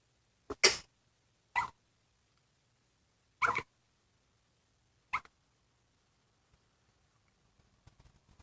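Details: Short, sharp spasmodic bursts, some in quick pairs ("double hiccups"), at irregular intervals; hiccups.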